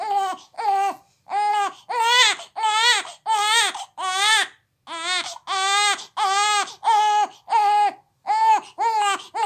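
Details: Baby crying for the nipple: rhythmic, repeated infant cry bursts, about 90 a minute, a normal hunger cry.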